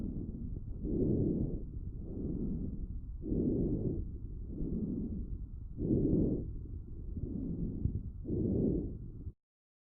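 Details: Normal vesicular breath sounds in a child's chest recorded with the StethoMe wireless electronic stethoscope; soft, low rustling heard mainly on inhalation and early exhalation.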